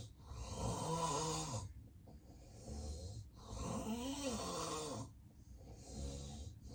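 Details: Real, unplanned daytime nap of a man with sleep apnea: loud, rough, rattling snores with no breathing pause in this stretch; obstructive sleep apnea snoring.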